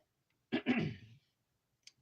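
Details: A single abrupt, voiced burst with a sharp catch and trailing fade from an adult during a live stream, otherwise quiet: sneeze.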